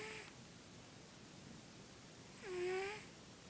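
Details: Sugar Ray, a sleeping cat, snores with a faint, high whistling tone on each breath against quiet room noise.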